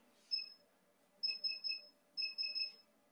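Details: Short, high, pure beeping tones in repeated groups in a quiet room. This is the emission signal of a multifunction therapy laser with a radial optic fiber (EVLT, hemorrhoid use) firing during a training demonstration on the presenter's own skin.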